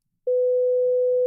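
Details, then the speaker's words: Simulated tinnitus: steady low-pitched pure tone, described as 200 Hz, played to illustrate low-frequency tinnitus, which may suggest Ménière's tendency with low-tone hearing loss. "자 200k 명입니다이 소리가 귀에서 나는 거예요 낮은 저음"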